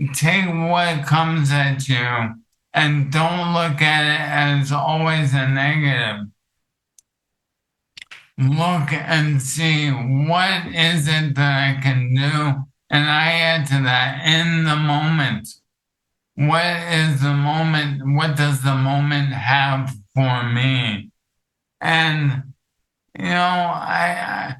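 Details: Adult male with ALS that affects his vocal cords, making it hard to talk for long periods and reducing his ability to speak clearly; dysarthria (ALS)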